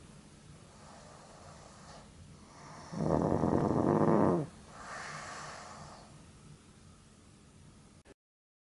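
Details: Pug napping and snoring as usual; it is sleepy but cannot sleep deeply because of its own snoring and difficult breathing. Loud, harsh, snorting snore with noisy, labored breaths between. Snoring.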